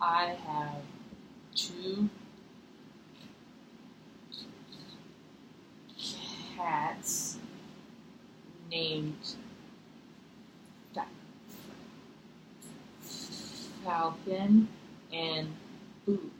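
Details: Female client in a stuttering therapy session producing stuttering blocks, with the clinician signalling by hand when to release the stutter (pull-out/release technique); stuttering blocks.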